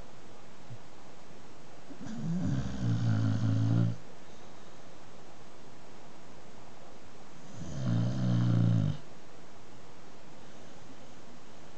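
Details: Person, barely visible, snoring: two long, low, rattling breaths about five seconds apart against quiet room noise.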